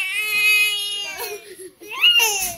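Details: Infant aged 6 months 2 days crying: loud, high-pitched sustained wail breaking into shorter sobbing cries while an adult soothes the baby; an ordinary infant cry.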